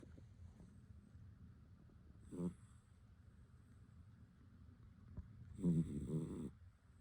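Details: Snoring from a sleeping animal captioned as a wild hibernating bear, though it sounds like a dog: two rattling snores, one brief and one longer, against a quiet low room hum.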